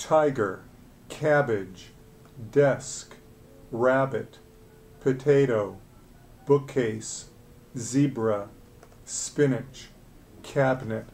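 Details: Adult man; ordinary speech.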